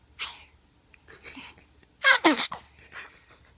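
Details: A baby struggling to sneeze: small breathy build-up sounds, then a sharp double sneeze, followed by soft breaths.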